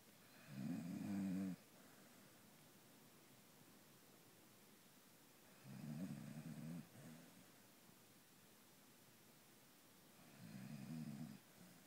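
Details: Beagle asleep with three low, rattling inspiratory snores, about 12 breaths a minute with quiet pauses between: steady snoring.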